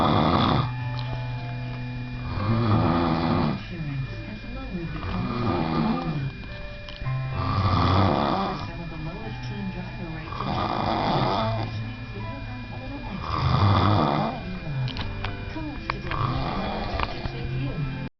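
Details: Brother snoring that persists even after being shaken: rough, rattling breaths at about 22 a minute with background music; ordinary snoring.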